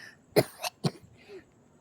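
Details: Child acting out a violent coughing fit during pretend play, simulated: three short, forceful cough bursts; acted cough.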